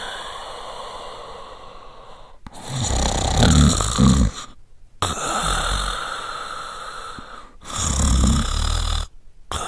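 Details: A man snores: two loud, low, rattling snores on breathing in, about 12 breaths a minute, over steady room hiss.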